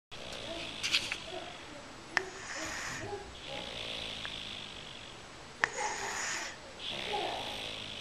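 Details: Light snoring from a sleeping girl before morning waking: soft, breathy, rasping breaths repeating, with faint room noise and a few clicks.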